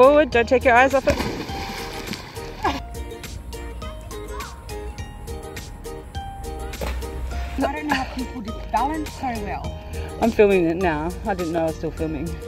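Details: Adult female speaker outdoors; ordinary speech.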